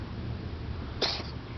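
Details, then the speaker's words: Cat recorded for the vet just after being given liquid medicine, which the owner says triggers this episode for a few seconds: one brief, sharp, explosive burst, uncertain whether a cough or a sneeze, over low room noise. "That sounds like a cough to me, huh? Huh. Or a sneeze."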